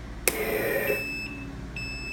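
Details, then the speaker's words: Leistung PR4D02 analog ventilator on a test lung, outlet occluded and oxygen flow raised, peak pressure exceeding the 20 alarm limit: repeated electronic high-pressure alarm tones. "Ele começa a alarmar porque aqui no alarme eu coloquei para 20 e ele indica para mim que o pico de pressão está dando maior que 20, então ele começa o alarme."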